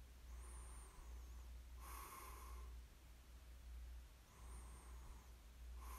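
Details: Snoring during sleep: soft whistling in-breaths alternating with short airy out-breaths over a steady low hum; light snoring.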